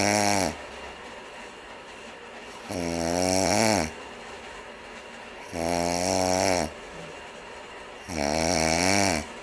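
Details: Adult snoring: loud, harsh, buzzy snores recurring about every 2.5 seconds (roughly 22 per minute), with quieter breathing between them.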